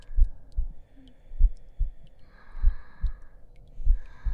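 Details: Simulated heartbeat in an ASMR roleplay audio, soft regular paired low thumps at about 50 a minute with faint background tones: a slow, steady heartbeat.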